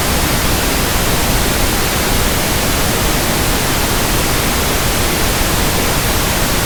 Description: Pink noise sound for tinnitus sound matching, ringing in ears, pink noise comparison, and tinnitus frequency testing.